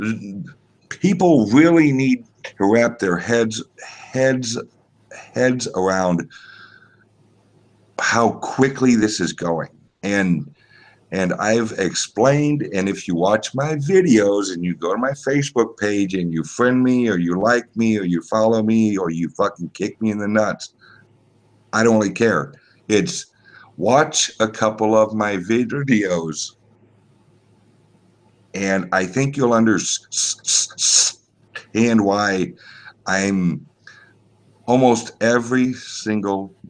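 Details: Self-reported speech impediment of unspecified type in a man, a truck driver; disfluent speech; speech impediment.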